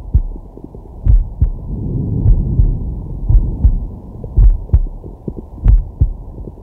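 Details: Male, relaxing at rest, digital stethoscope on the chest: steady low two-part heartbeat about 50 a minute over soft slow breathing; normal heart sounds.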